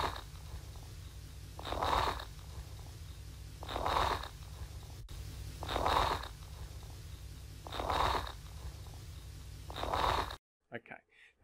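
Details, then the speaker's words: Coarse crackles (crepitations) demonstrated in a breath-sounds teaching lecture: low, bubbling popping sounds during each breath, about 29 breaths a minute, over a steady low rumble. "fine crackles which sometime can be referred to as rails and coarse crackles which sometimes called crepitations"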